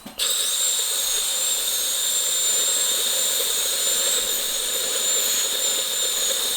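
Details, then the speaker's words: Steady high-pitched whine of a dental handpiece fitted with a different bur, widening the access opening after the pulp chamber is found; simulated root canal demonstration on an extracted three-canal tooth assumed deeply decayed. "이와 같이 치아에 구멍을 내서 신경치료를 시작을 합니다."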